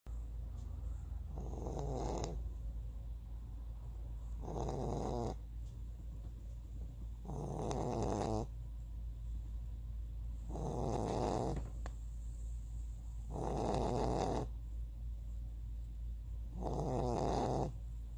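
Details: Sleeping dog snoring: steady, rhythmic rumbling snores, six in about 18 seconds, roughly 20 breaths a minute, over a low background hum.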